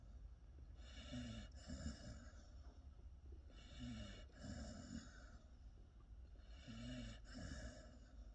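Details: Sleeping pit bull puppy snoring: regular low snoring breaths, about 21 a minute, each with a snorting rattle on breathing in and out.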